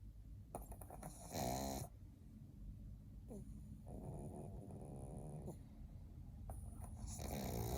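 Loud rattling snores on both breathing in and out, with a snorting, fluttering quality, typical of a short-nosed dog asleep.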